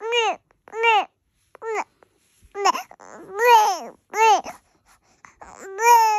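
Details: Baby crying in a small room: short, rising-and-falling wails, about two dozen a minute, broken by pauses and breaths.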